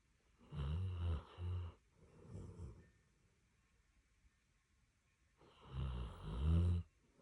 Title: Dreaming and snoring Doggo #samoyed #doglife #doggo #dogshorts #funny #funnyvideo #cute #cutedog